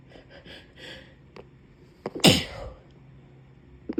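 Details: Sneezing in a puppy with a cold: one sharp sneeze with a few small snorts around it, in a quiet room.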